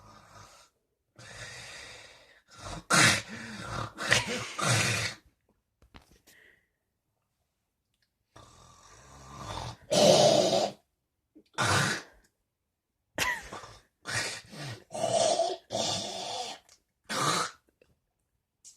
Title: Weird snores